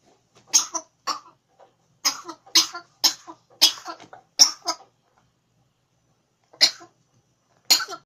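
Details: African grey parrot giving about ten short, sharp, high-pitched cough-like bursts, some in quick pairs, with silent gaps between; cough.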